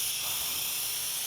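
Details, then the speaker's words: Steady airy hiss of Afrin decongestant spray delivered into an adult's nose by an ENT specialist during a clinic sinus discussion, advised for no more than three days in a row; nasal decongestant spray. "I'm going to spray this Afrin in your nose."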